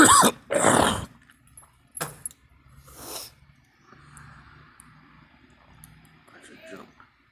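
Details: Two loud harsh coughs then throat clearing in a quiet room; adult who links the coughing to allergies from tree and grass pollen.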